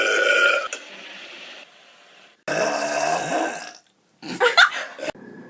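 Several loud, drawn-out burps, one long and rumbling, separated by pauses.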